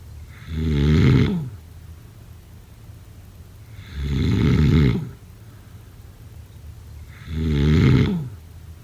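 Three loud, low, rattling snores come in a slow rhythm of about 18 a minute, with quiet pauses between.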